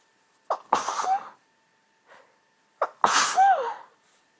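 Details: Hay fever keeping the person awake at night: two sneezes, each a sharp in-breath followed by an explosive burst; sneezing.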